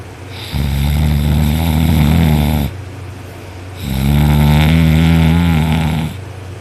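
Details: Adult sleeping on their back with an arm over the head after a long workday: two long, loud, deep rattling inspiratory snores separated by a quieter out-breath; heavy snoring.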